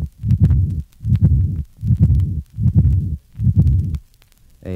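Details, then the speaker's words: Severe pulmonary hypertension: Graham Steell murmur, a high-pitched decrescendo blowing early diastolic murmur of pulmonary regurgitation, best heard at the second and third left interspaces, with accentuated pulmonic valve closure. "this recording was taken from a patient with severe pulmonary hypertension note the higher pitch decrescendo blowing diastolic murmur of pulmonary regurgitation"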